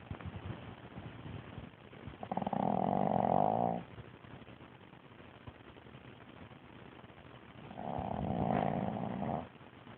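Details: Sleeping dog snoring, recorded on an Android phone: two loud, rough, rattling snores separated by quieter breathing.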